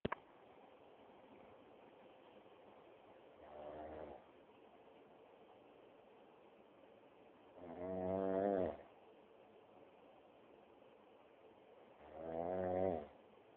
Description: this is a clip taken using my 7610 phone..turn up the volume to hear the snoring...lolzz